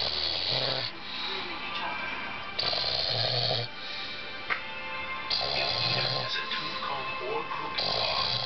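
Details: Uncle recorded snoring at night while asleep: deep, rumbling snores recurring every few seconds over background music; ordinary loud snoring.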